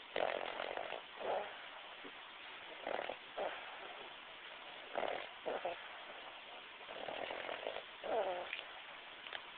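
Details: Repeated rough, rattling snores with each breath, about five or six in ten seconds; ordinary snoring.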